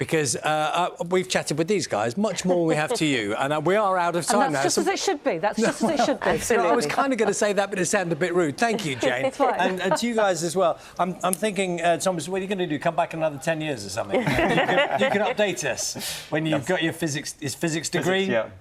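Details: Adult broadcast presenter speaking in a studio; fluent speech.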